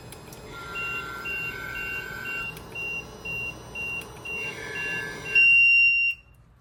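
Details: LTV ventilator being switched off with no patient connected after it showed "disconnect": a steady series of short, high-pitched beeps, then a louder sustained alarm tone and silence.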